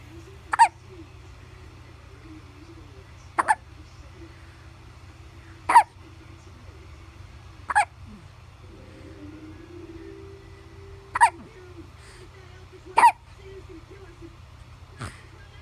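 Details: One-month-old baby with hiccups: sharp, brief hiccup sounds, about eight a minute, over a steady low hum.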